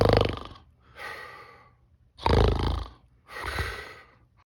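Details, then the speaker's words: Voluntary imitation snoring: the person snores deliberately with the mouth slightly open, a self-test before trying mouth closure, nasal widening and jaw advancement. "첫 번째 입을 조금 벌리고 의도적으로 코를 골아"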